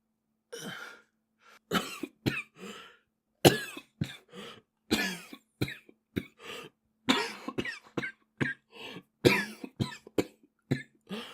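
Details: Japanese boy coughing repeatedly in short, irregular bursts, some in quick runs of two or three, with brief pauses between bouts. Cough.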